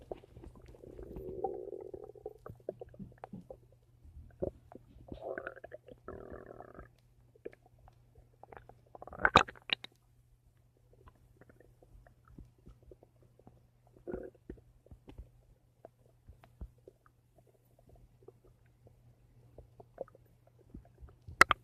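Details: Stomach making noise: gurgling, bubbling bowel rumbles in irregular bursts, with clicks between them over a steady low background hum; borborygmi.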